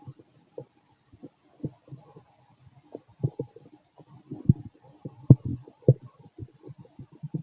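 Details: Fit male after a bowel movement: frequent soft, irregular gurgles and pops in a quiet room; active, normal bowel sounds (borborygmi).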